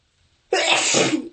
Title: Harsh bronchitis sneezes